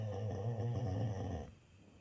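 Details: Labrador dog in deep sleep snoring: a single deep, rumbling fluttering breath that fades out.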